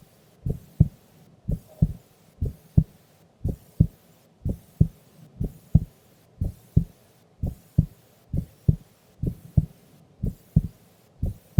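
Regular lub-dub heartbeat at about 60 beats a minute during sleep, calm and even, with a faint hum underneath.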